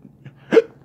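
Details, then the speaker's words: Adult hiccups once after eating a hot lemon drop pepper whose capsaicin burned the throat: a single sudden, brief voiced catch with a sharp onset over quiet room noise. "And I do have the hiccups, as you can hear. Yeah, that's what happens when the oil goes through your throat."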